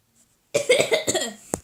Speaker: Sorry guys, these coughs.